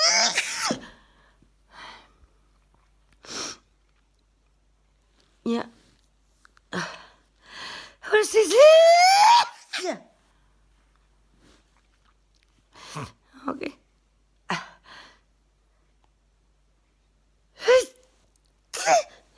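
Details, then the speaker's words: An adult woman near the end of a sneezing fit lasting several minutes, recorded on her phone: repeated sneezes and near-sneezes, with sharp bursts and breathy build-ups between. "you're probably getting now the last few minutes of my sneeze in fit it's coming again"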